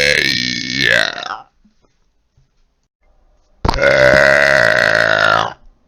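Two loud, voiced, drawn-out belches, each over a second long, separated by silence; ordinary burping.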